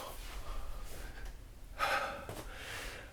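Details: A single sharp, breathy gasp over quiet room noise during a lying "double triangle" stretch, pulling one ankle toward the lower back and the other knee toward the chest.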